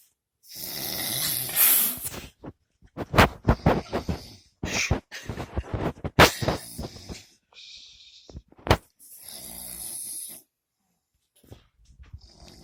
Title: Snoring